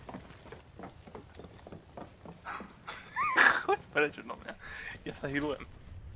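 Quick, noisy cat breaths, then squeaky, whistling sounds as air moves through narrowed airways: a wheeze.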